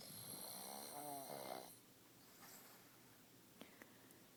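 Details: Sleeping husband's loud, rough snore with a high whistling edge, then quiet with faint clicks; his wife says he is not breathing, then that it stopped and will start again; snoring.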